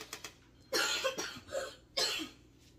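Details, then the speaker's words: Three harsh, loose adult coughs in quick succession in a quiet room, with faint clicks beforehand, while the household is recovering from flu; cough. "I'm sorry if you can hear me and him coughing we have been fighting the flu in my house but we're on the downward slope of it so hopefully it's all out of here soon"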